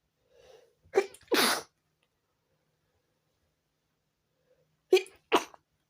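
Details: Sneezing fit at 4 a.m. that prevented sleep: two pairs of quick sneezes, each with a brief inhaled catch before it, separated by a few seconds of quiet.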